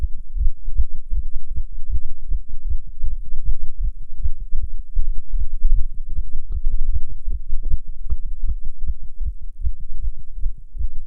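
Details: Heartbeat recorded in a non-smoker while smoking a cigarette: rapid, regular low thumps throughout with muffled rustling; a fast heartbeat quickened by nicotine.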